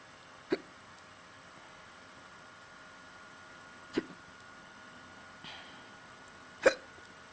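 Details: Bad case of hiccups: three sharp, brief hiccups a few seconds apart in a quiet room, with a faint breath between.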